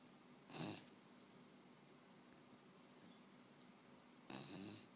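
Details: Sleeping Beagle dog snoring: two brief rough, hissing snores a few seconds apart, separated by quiet breathing.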